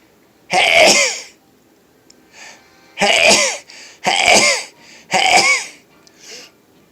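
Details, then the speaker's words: Four loud, explosive sneezes in quick succession on waking in the morning, each followed by a softer breath or sniff; usual morning multiples, repeated sneezing. "see what happens because i'm sneezing a lot of multiples anyways"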